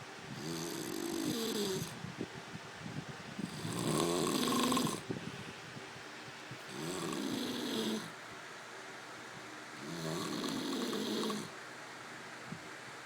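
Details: Person snoring in sleep: four rhythmic, rattling snores roughly every three seconds, about 19 per minute.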